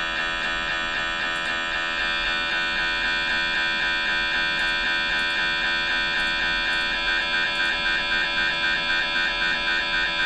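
Loud steady electronic hum with rapid regular knocking pulses, about 230 a minute, the typical gradient noise of an MRI scanner during a brain scan.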